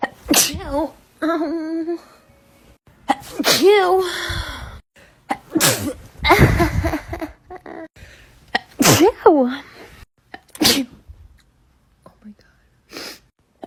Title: TikTok Sneezing 47